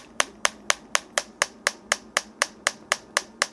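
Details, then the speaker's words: Sharp, regular clicking pulses at about 4 per second from a German extracorporeal shockwave therapy device, applied to the sole over the plantar fascia and transverse arch for plantar fasciitis, with intensity then raised. "이게 바로 저희 병원에서 보유하고 있는 독일 사의 충격파 기계입니다"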